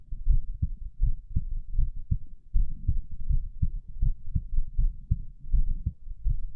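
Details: Normal heart sounds recorded during abdominal exercises (sit-ups). Only a few were done, so the rate is only mildly raised: regular low thumps at about 79 a minute, with a steady rhythm.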